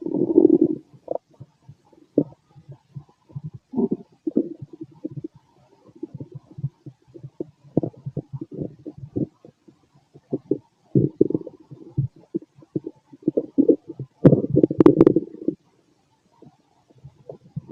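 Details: Frequent gurgling and rumbling bowel sounds (stomach growling) heard through a stethoscope over an adult male's abdomen; borborygmi.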